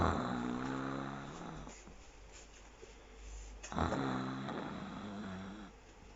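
Two long, loud, rattling, grunting snores on breathing in, with a quiet pause between them.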